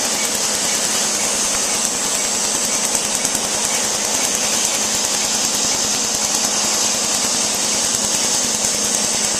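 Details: Tattoo removal laser firing on a tattoo: rapid, steady crackling pulses, about 200 per minute, over a hissing machine hum.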